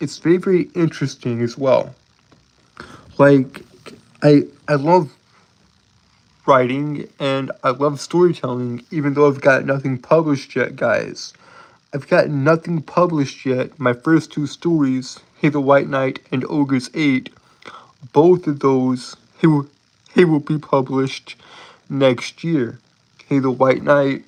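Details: Adult man with a self-reported speech impediment that he says makes him stutter and trip over his words; stuttering.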